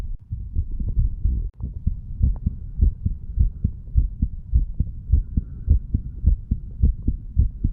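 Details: 35-year-old man recording his own heart while standing, listening over mitral, tricuspid, pulmonary and aortic areas and right ventricle: regular low thumps about 105 a minute with clear normal first and second sounds; normal heart sounds.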